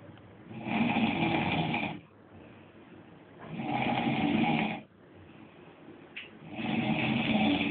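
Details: Steady snoring, three long rough snores about 20 a minute on the in-breath with quieter out-breaths between, recorded in Dubai; devices to stop snoring are the topic.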